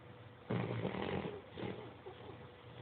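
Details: Snoring from a sleeping female, sex only implied by "she": low, rough rattling breaths in two short bursts over a steady background hum, loud enough to be noted.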